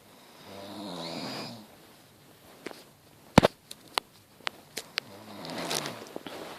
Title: snoring fart